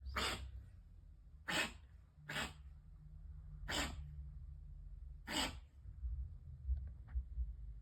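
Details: Strange cough, recorded 5-15-23.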